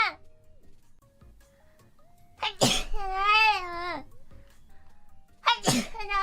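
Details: VTuber sneezing: two sharp sneezes with a squeaky voiced tail, over quiet background music; sneezing.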